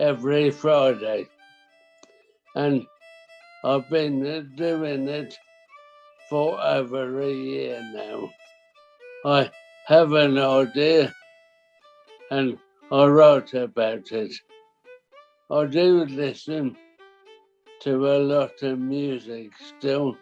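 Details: Dysarthria in a 63-year-old man with primary lateral sclerosis, a rare form of motor neuron disease, for about 5.5 years; slow speech in short phrases, no longer able to sing.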